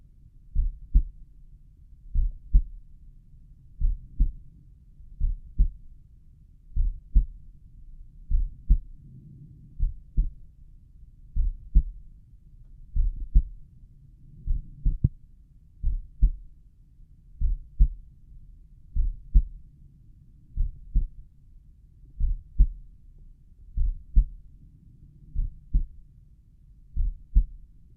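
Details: Own slow resting heartbeat (sinus bradycardia) auscultated at the tricuspid valve area: steady paired lub-dub sounds at about 38–40 beats a minute; audio quality below usual, with occasional stomach rumbles.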